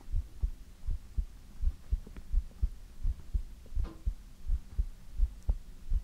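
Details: Steady low lub-dub heartbeat at about 85 beats a minute with a soft hum underneath, in an ASMR heartbeat recording; a normal heartbeat.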